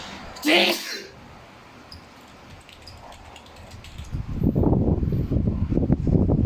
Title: Filipino Sneeze